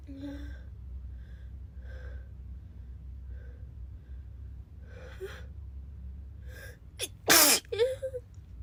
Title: Girl sneezing 3